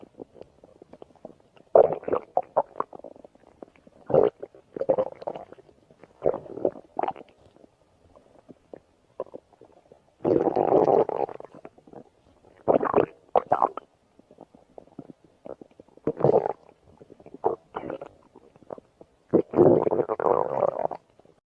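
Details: Irregular gurgling and rumbling bursts from the abdomen: ordinary stomach growling from gas and fluid moving.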